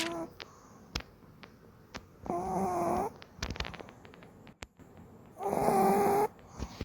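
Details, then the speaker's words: Pug, flat-faced with almost no muzzle, finding nasal breathing difficult: two loud, nasal, rattling snores a few seconds apart with quiet clicks between; snoring from a narrowed nasal airway. "이렇게 쑥 들어가 있다 보니까 코로 숨쉴 때 좀 쉽지가 않나 봅니다 그 항상 콧소리가 묻어나와요"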